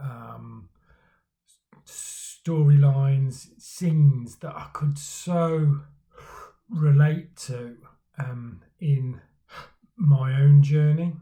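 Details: Man who stammers, speaking for Stammering Awareness Day about his own stammering journey; stuttering (stammering).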